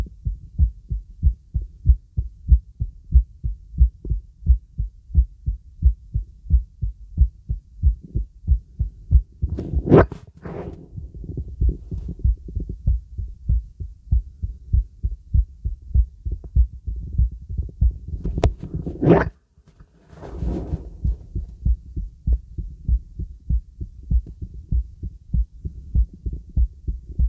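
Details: Normal heart sounds heard through a real stethoscope with the bell over the heart of a girl, as part of a full-body auscultation.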